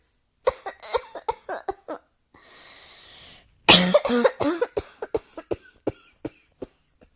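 Two runs of repeated sharp coughs, about twenty bursts, separated by a long hissing breath; bouts of coughing in a small room.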